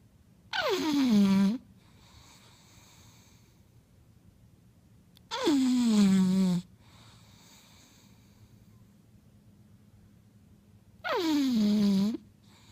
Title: Snoring Bulldog